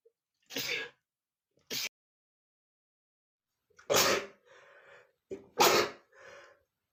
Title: male sneezing #38 ( there's so much dust that makes me want to sneeze)